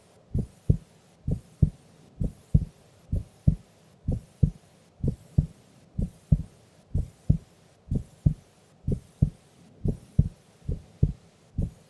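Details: Heartbeat of a sleeping female during an afternoon nap: steady, soft lub-dub beats at about 65 a minute with a faint hum behind them.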